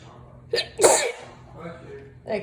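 A short inward catch followed by one sharp, hissing burst: a single sneeze.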